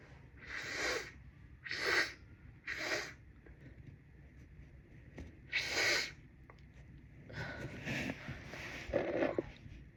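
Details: Congested person with a cold, trying unsuccessfully to induce a sneeze: four forceful hissing nose blows, then a short sneeze near the end, with quiet room noise between.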